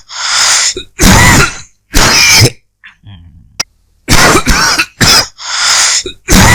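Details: Repeated dry coughing from a person in a long dry-coughing recording.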